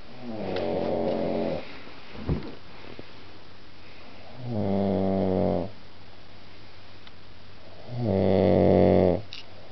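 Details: Man snoring at 1:30 a.m. after a few drinks at a friend's house: steady buzzing snores, about 18 a minute, in a quiet room.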